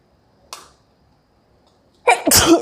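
A soft sharp intake, then a loud explosive sneeze with a hissy burst, brought on by chili powder irritating the nose.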